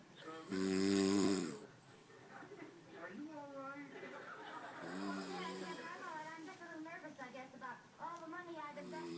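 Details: Man snoring: a loud, brief snore, then quieter rasping, voice-like breathing sounds.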